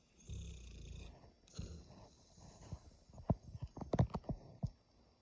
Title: Snoring Scoobi 😂